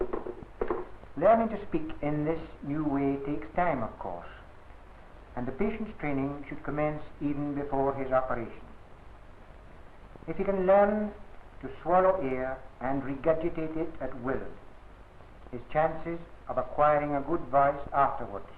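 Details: Adult male narrator; typical speech.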